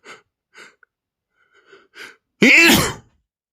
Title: male sneezing #46 (The dust on the old clothes made me sneeze)